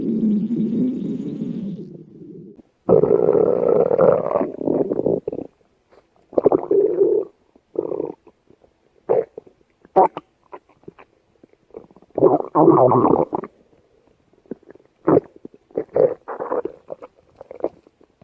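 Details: Red panda's belly: low gurgling rumbles in irregular bursts, some long and drawn out, others short, with music in the background; ordinary stomach growling.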